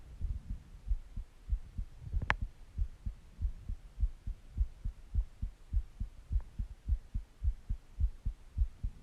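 Steady, regular low heart thumps at about 100 beats a minute, with a faint background hum.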